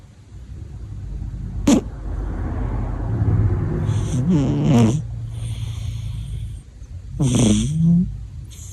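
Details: Snoring of a sleeper called "beta" (son or little one): a few loud, rough, snorting snores over a steady low background rumble.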